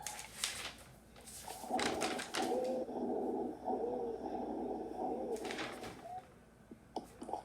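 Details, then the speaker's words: Lecture example of a second wheeze: breath sounds with a faint, brief musical whistle over several breaths; a slight wheeze from airway narrowing, noted as not always due to asthma. "This is a wheeze, and this is also narrowing of the airway. And we always say not everything that wheezes is asthma."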